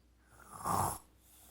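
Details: Jasper; a single rough, rattling half-second breath sound like one snore.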